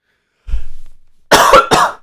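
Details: An adult man coughing during a livestream believes he may have walking pneumonia (self-suspected, not diagnosed): cough.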